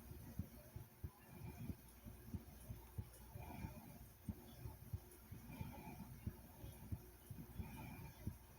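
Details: Recording of a person's own heartbeat made for ASMR: soft, steady thumping at about 90 beats a minute over low background hum; normal heartbeat.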